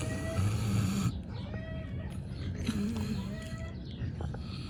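Low, rumbling grunting snores repeating in quick succession from a sleeping pig, with some background noise.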